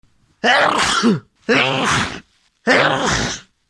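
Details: Three loud, forceful, voiced sneezes in quick succession, each a sharp explosive burst with a groaning tone; part of a long run of repeated sneezes.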